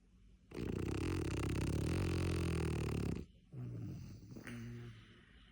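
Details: French bulldog asleep on a bed: a long, loud, rattling snort-like snore then softer snuffling snores; loud snoring.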